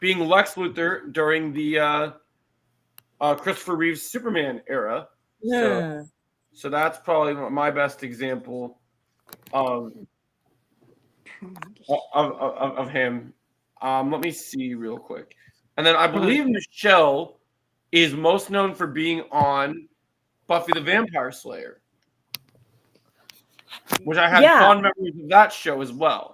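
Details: Male podcast guest who stutters and practices by reading comic books out loud to improve his stuttering and speech; stuttering.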